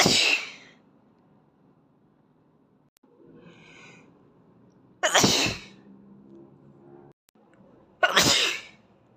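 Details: Boy with allergies sneezing: three sharp, hissing sneezes, each a sudden loud burst that fades quickly, with quiet breathing between them.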